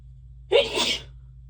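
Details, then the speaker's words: Single sharp sneeze, deliberately induced, with a quick inhaled catch and an explosive burst of air; announced beforehand amid a very itchy, tickly nose and watery eyes, with much hitching and feeling light-headed. "Sorry, it's so tickly. I can't eat my head. Gonna sneeze."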